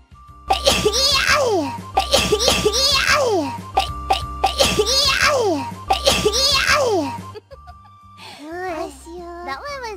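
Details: Repeated sneezing from a VTuber: the same high-pitched, cute sneeze four times over a steady musical tone, followed by squeaky vocal sounds.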